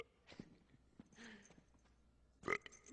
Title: Scooby Doo 2-FUNNYEST FARTING/BURPING CONTEST EVER!!